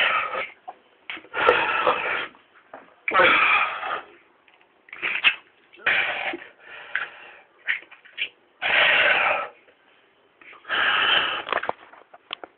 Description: me being sick